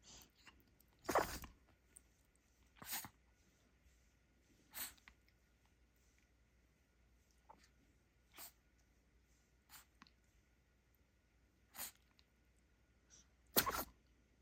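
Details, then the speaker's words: Dog sneezing fit, about eight sharp sneezes in fourteen seconds, caused by a dust particle stuck in his nose, later removed; he recovered. "Are you okay, Choco? Oh, it's just something stuck in your nose. Are you okay?"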